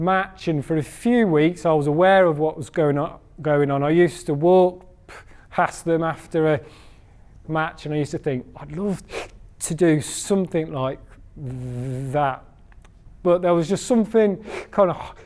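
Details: Adult man who stammers: stammering (stuttering).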